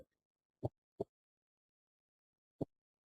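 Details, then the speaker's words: Heart sounds played over a speaker in a Spanish cardiac examination class as an audio check: a few soft, low heartbeat thumps in near silence. "debe escucharse el latido de un corazón."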